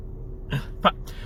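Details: Vocal tic sounds from an adult male stand-up comedian with Tourette syndrome, heard while he talks about his condition.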